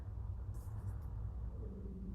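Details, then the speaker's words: Adult's hungry stomach growling, blamed on eating breakfast early: a low, steady rumble with a brief rising gurgle near the end; stomach growling (borborygmi). "oh my stomach's growling did y'all hear that it reminds me of being in school when your stomach growls and you're like oh I hope nobody heard that but you know they did"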